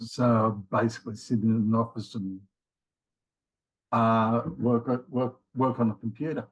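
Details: Man in his late 50s with mild aphasia after a left-sided ischemic stroke in January 2020; his word-finding difficulty worsens with fatigue; he also had two earlier heart attacks and has rheumatoid arthritis; aphasia (word-finding difficulty).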